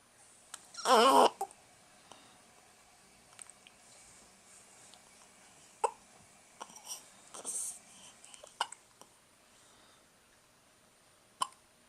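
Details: Frequent hiccups in an infant: a brief cry-like squeal, then soft, sharp little catches at irregular intervals in a quiet room; common, harmless hiccups.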